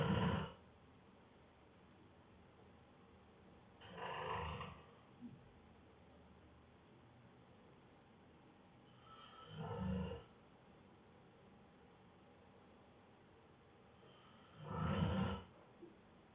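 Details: Adult man exhausted after a long day of work snoring hard right after falling asleep: four deep, rumbling snores about five seconds apart, roughly twelve breaths a minute, quiet between.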